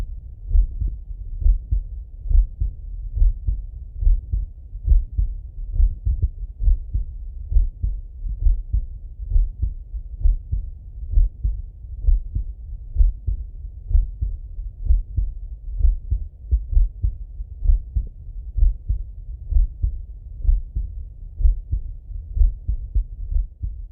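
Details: Steady, regular lub-dub heartbeat at about 65 beats a minute in a male, heard through a stethoscope; normal heart sounds.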